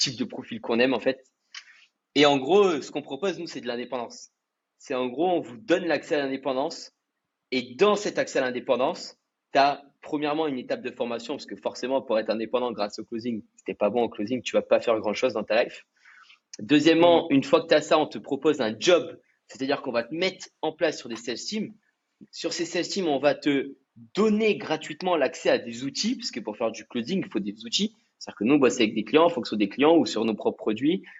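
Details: Adult male speaker; normal speech.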